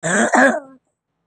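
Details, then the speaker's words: Child with recurrent cough and cold, on antibiotics again after monthly illnesses, coughing nonstop for three nights, worse when laid down, vomited, breathing frightening to the mother: two quick rough, throaty voiced coughs trailing into a short vocal sound. "grabe grabe yung ubo niya talaga nag non-stop yung ubo niya"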